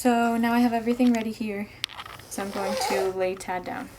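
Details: Adult woman; plain speech.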